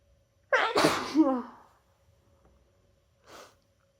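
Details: A single loud, forceful sneeze with a voiced 'choo' tail and a brief breathy exhale, from a person with their annual cold, induced with chhinkni (sneezing powder), after holding sneezes in at work all day.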